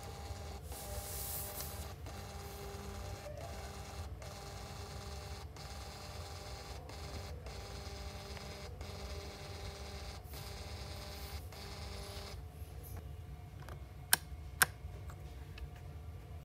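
Rhythmic whirring of a defibrillator printing a test strip, then two short sharp beeps.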